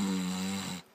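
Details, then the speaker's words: Adult imitating the loud snoring of the parents they share a room with when travelling (the stepdad has sleep apnea and uses a breathing machine): a single rough, low, buzzing snore-like sound under a second; imitated snoring. "that sound it's awful so I take earplugs with me"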